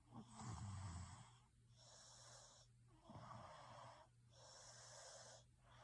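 Repeated breathing noises in sleep with rough, tonal breaths and a steady low hum in the room; snoring.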